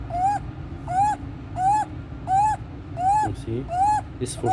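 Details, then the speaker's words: 14-day-old full-term neonate, admitted with resolved meconium aspiration, with severe chest indrawing, suprasternal retraction and desaturation; rapid regular high-pitched crowing with each inspiration, worse with crying and feeding: inspiratory stridor. "You see, severe chest drawing, suprasternal retraction, baby desaturation with the respiratory stridor."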